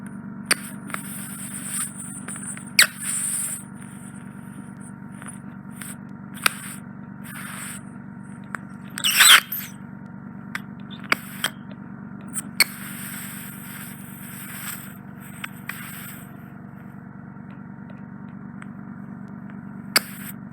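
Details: Steady suction hiss with sharp clicks and crackles during endoscopic suction of impacted ear wax and dead skin in an adult male client's left ear, removed as a single large mass; he also has otitis externa.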